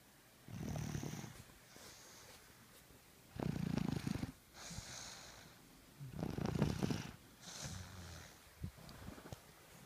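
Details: Sleeping person snoring: low, fluttering, rattly breaths in and out about every three seconds against faint room noise.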